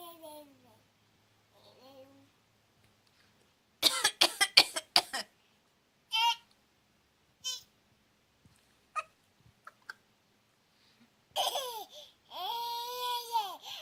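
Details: An adult's deliberate fake coughing in bursts while a young daughter reacts with her voice and babbling around them: imitated cough.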